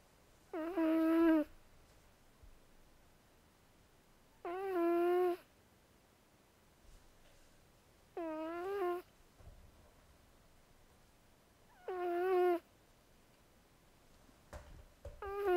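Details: Sleeping cat snoring, otherwise healthy, whose vocal cords reportedly never fully developed (she doesn't meow); four tonal, whistling snores about every four seconds, each under a second, over quiet room noise.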